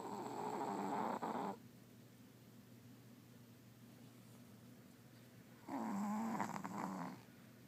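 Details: Sleeping Chihuahua, dreaming: two soft rattling snores separated by quiet breathing; snoring.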